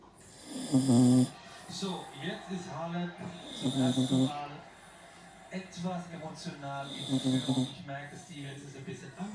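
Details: Loud snoring from an 11-year-old Tibetan Terrier: repeated rough, nasal snoring breaths about three seconds apart, with German television tennis commentary in the background.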